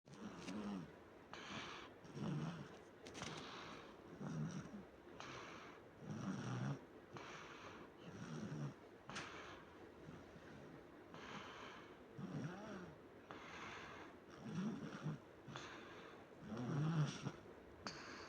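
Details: Sick child asleep at night, snoring louder than usual; repeated rough snoring on each breath, about 30 a minute, with a faint whistle at times.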